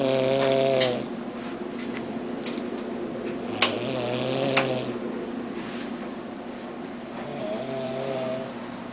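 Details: Woman snoring during sleep: three buzzy, rhythmic snores roughly every three to four seconds over quiet room noise.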